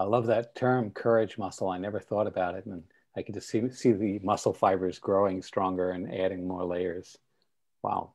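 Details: Adult man; typical speech.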